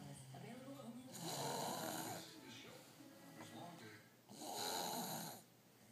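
Two loud, rough, rattling breaths in a row with quieter noisy breathing between, against faint background sound; snoring.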